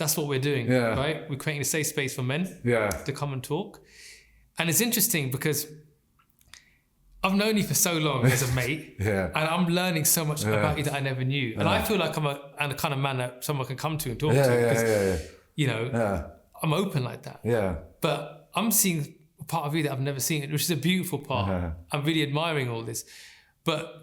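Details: Adult man speaking; normal speech.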